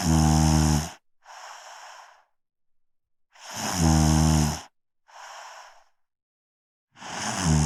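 Loud, deep rattling snores on each breath in, followed by a softer rushing breath out, about 16 breaths a minute: heavy snoring.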